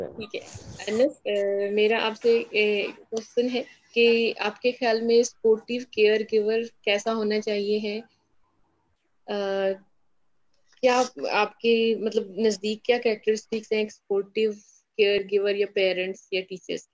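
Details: Adult woman; fluent speech.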